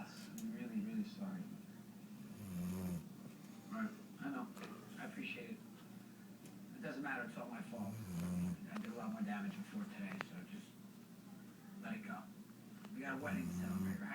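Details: Golden retriever snoring in sleep: repeated low, snorting snores, about four in fourteen seconds, with faint room noise and background television or talk.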